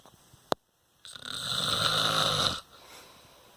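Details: Adult male (father) snoring in sleep: a click, then a loud, rough, rattling snore lasting about 1.5 seconds; snoring.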